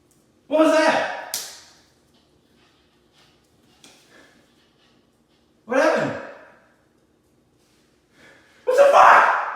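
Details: Boyfriend startled by a pasta back-crack prank, freezing: three sudden loud voiced gasps, each a sharp intake with a falling vocal cry, separated by quiet pauses; startled gasping.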